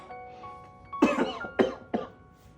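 Three short, forceful coughs from an adult man acting out a cold, with soft music behind.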